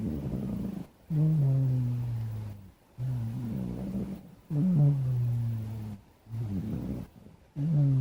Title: Blk Cat Snoring (sound only)